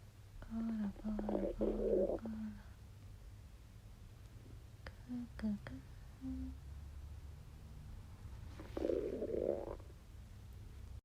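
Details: Gurgling, squeaky rumbles from the belly in short bursts with quiet gaps and low background hum: ordinary digestive bowel sounds while digesting a Wagyu steak.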